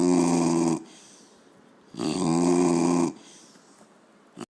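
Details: Chubby, a dog, asleep and snoring heavily: loud, rattling, drawn-out snores with quiet pauses between.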